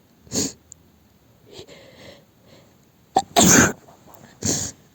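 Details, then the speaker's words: Acted sneezing scenario in which the woman is allergic to a new lavender air freshener: several forceful sneezes in quick succession with a sniff between. "yeah I seem to not be able to stop sneezing"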